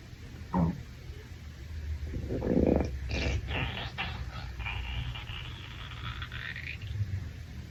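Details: Hungry male after a shower: several seconds of low gurgling and rising, squeaky rumbles from the belly. Stomach growling (borborygmi).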